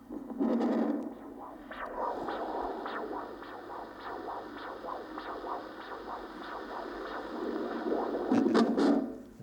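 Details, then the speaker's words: 1975 lecture demonstration of a Doppler ultrasound probe over superficial arm veins of a volunteer: whooshing, scratchy signal with fluctuating swishes from blood flow; a normal venous flow signal. "I'm going to try and if I can get that one we return to his pan in a moment um we can get a rather better signal because it's closer to the surface uh from from the veins which are up here"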